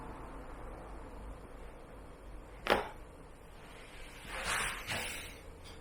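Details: Chiropractic cervical spine adjustment for stiff shoulders: one sharp crack, a softer rustle, then a second pop of neck joint cavitation.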